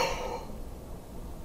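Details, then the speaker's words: Huff cough demonstration for children and adolescents: after a belly breath and 3-second hold, a single short, breathy open-mouth "O" exhalation to move mucus from deep in the lungs. "three you're going to keep your mouth in the shape of a no and four you're going to Exhale all of the air out of your lungs like your fogging up a"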